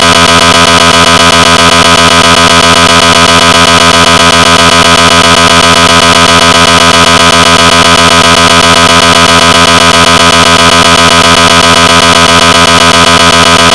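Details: Recreated (simulated) GE 750w 3T MRI scanner gradient noise: loud, rapid, very regular mechanical knocking at about 230 pulses a minute.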